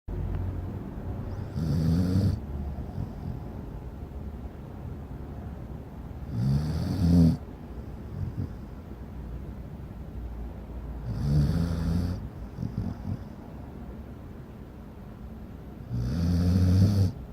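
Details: Hudson snoring loudly while asleep, filmed in low light: low rumbling snores on each breath, about 12 a minute, against steady room hiss.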